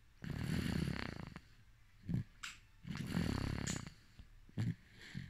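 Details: Sleeping baby snoring: soft, rumbling snores with each breath, about two breaths captured, plus small snuffles.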